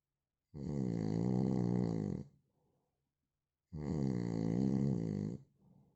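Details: Adult man snoring: two loud, deep, droning snores, each under two seconds, about three seconds apart, with a soft exhalation after each; heavy snoring.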